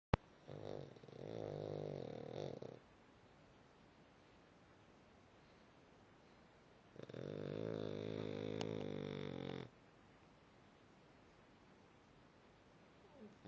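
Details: Sleeping animal snoring: two long, buzzing snores about six seconds apart, with quiet breathing between them.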